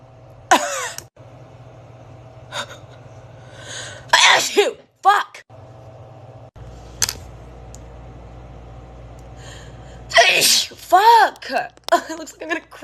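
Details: Young women sneezing uncontrollably, set off by a COVID-19 nasal swab test: several sharp sneezes with gasping breaths between them, over a low hum and faint music.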